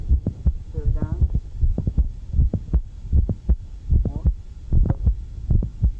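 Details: Heartbeat near 80 a minute with an extra sharp click in systole; its timing shifts as the patient alternates squatting, sometimes followed by regurgitation after the click: mid-systolic click.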